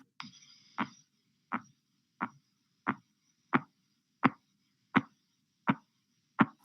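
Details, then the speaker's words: Blood pressure measurement with cuff deflating about 2 mmHg per second: regular arterial taps about 85 a minute with soft swishing murmurs in the tapping; Korotkoff sounds, phase 2. "Phase 2 sounds are audible murmurs in the tapping sounds."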